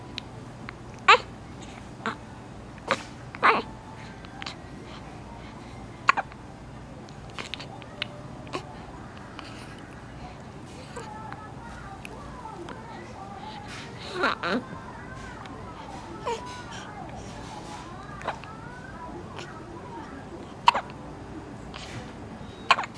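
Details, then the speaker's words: A baby with hiccups: repeated short, sharp hiccup clicks at irregular intervals, about ten over twenty seconds, with soft babbling in between; hiccups. "好厉害哦，好会打嗝哦。忍耐一下，忍耐一下，很快就打完了。"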